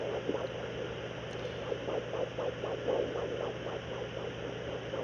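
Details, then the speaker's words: Fetal heartbeat of a puppy on a home fetal Doppler over a pregnant female dog's abdomen: fast, soft whooshing pulses through hiss, about 200-230 a minute, far faster than the mother's heartbeat of about 90. "That's a fetal heartbeat. The mother, if it was the mother's heartbeat, those are a lot. Her heartbeat is a lot slower, and a fetal heartbeat's going to be in the 200 to 230 beats per minute range, where a mother's heartbeat is going to be around 90."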